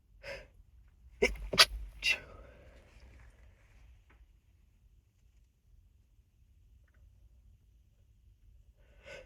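A quick cluster of three short, held-back sneezes with a breathy intake, then quiet; stifled sneezing.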